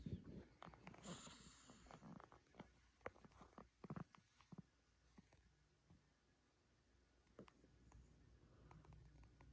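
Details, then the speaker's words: Sleeping Sphynx cat snoring: quiet, irregular snuffling and soft snorting noises with faint room noise; light snoring. "She's snoring. She's literally snoring. That is the funniest thing I've seen in a long time."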